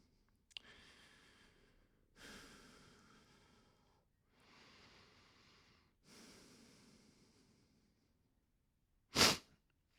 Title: Sons da respiração, de espirros e roncos. Sounds and noises of breathing, sneezing and snoring.